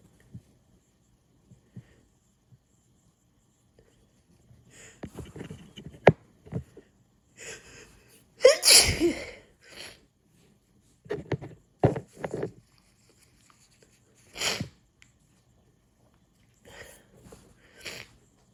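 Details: Compilation of two hay fever sneeze attacks after cutting grass, with nose blowing: runs of repeated sharp nasal sneezes with short breaths between, in a quiet room; allergic sneezing.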